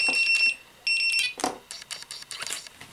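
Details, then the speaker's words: Snuza Hero MD baby breathing monitor, left on a hard flat surface in a demonstration: shrill pulsed electronic apnoea alarm tones with continuing rapid vibration buzzing bursts; baby breathing monitor apnoea alarm. "so that's the alarm it makes it's continues to vibrate even when it's making the really strong alarm"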